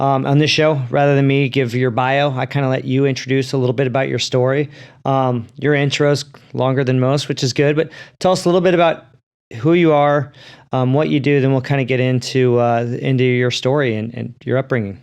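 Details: Adult male speaker; normal speech.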